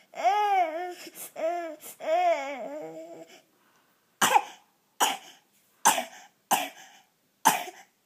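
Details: Young child fusses, then gives five sharp coughs in a quick run, a brief paroxysmal coughing spasm; cause unknown.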